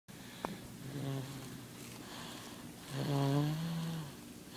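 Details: Person snoring: two low, buzzing snores on breathing in over a few seconds, with faint room noise.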